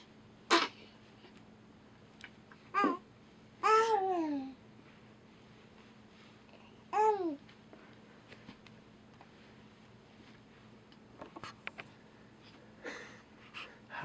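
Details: A brief, sharp sneeze from a baby girl, followed by soft cooing and babbling in a quiet room.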